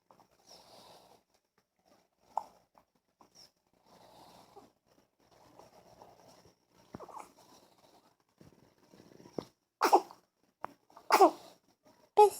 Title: Hiccups and sneezes